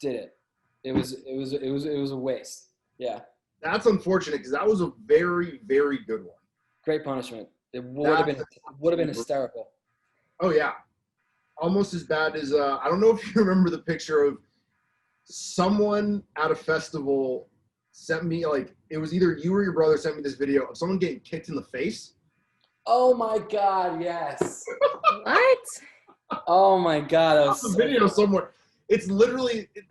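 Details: Stuttering in an adult man who says he has had a stutter his whole life, since childhood.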